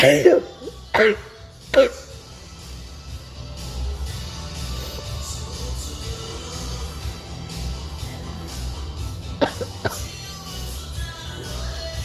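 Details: A few short, explosive bursts at the start that the person afterwards says were sneezes, then music and low background noise; sneezing.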